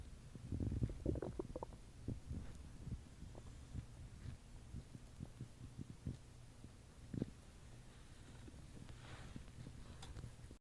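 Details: Stomach rumbling after eating at an Earth Day dinner, recorded in a closet. Quiet, low gurgling rumbles are strongest early on, with softer scattered gurgles after, in a quiet room: ordinary bowel sounds (borborygmi).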